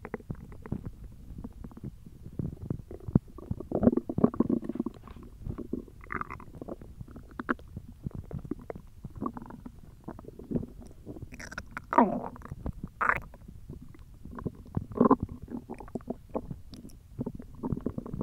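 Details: Hungry belly: irregular low gurgling and rumbling bowel sounds from an empty stomach; normal hunger growling (borborygmi).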